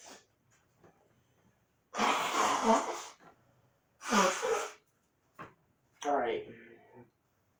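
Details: Person with allergies who insists the sneezing is under control: two loud sneezes in quick succession, a short voiced exhale, then a smaller third sneeze; repeated sneezing.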